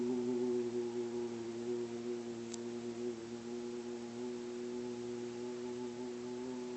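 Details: Male patient in voice therapy attempting a sustained low note about one note below his speaking pitch; the voice begins to waver, showing vocal tremor on a sustained low note.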